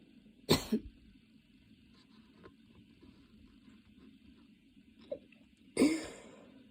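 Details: Two forceful, harsh cough bursts a few seconds apart with a short catch of breath between, part of a coughing fit that came on while studying and worsened until intense; the person was standing and changing positions.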